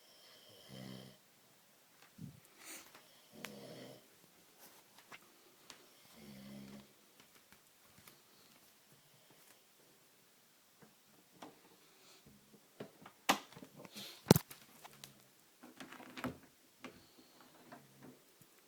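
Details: Adult man (father) snoring during sleep at about 2 AM, loud enough to hear from another room: irregular rough snorting breaths, some loud, with quiet gaps between; snoring.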